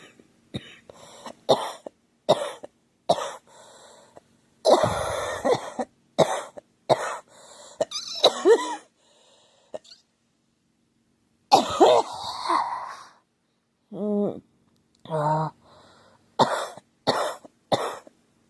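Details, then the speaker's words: Unwell young woman who says she feels ill, keeps coughing hard, and her throat and chest hurt: repeated short, harsh coughs in bursts with throat clearing, roughly twenty coughs. "as you all can tell I think I am or whatever I don't feel good at all I keep coughing hard and it's like hurts my throat my chest hurts"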